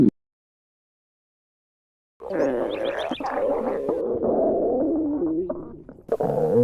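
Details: A long, wavering gurgling rumble with bubbling bursts; ordinary stomach growling (borborygmi).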